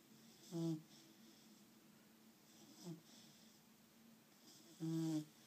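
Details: Three short, musical, whistling snores a couple of seconds apart in a quiet room, with a squeaky, tonal quality; snoring during sleep.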